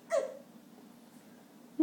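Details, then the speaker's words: Dog hiccupping while eating his dinner: a single short, abrupt voiced hiccup, then quiet, with another hiccup beginning at the end. "good one nice hiccups bub you ready here it comes nice all right folks eating with hiccups one more time say goodbye Bubba"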